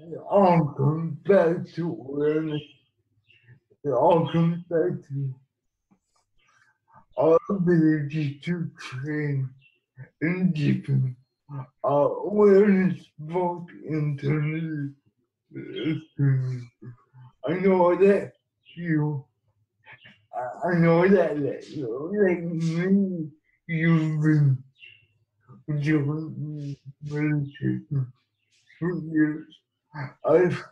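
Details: Man with cerebral palsy who has used a wheelchair most of his life; dysarthric speech in cerebral palsy.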